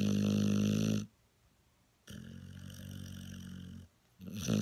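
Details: Heavy snoring: loud, rough, drawn-out rattling snores separated by brief pauses.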